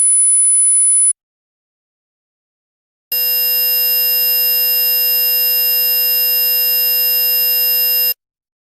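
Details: Simulated tinnitus: a brief high-pitched ringing tone, a pause, then a steady high buzzing hum.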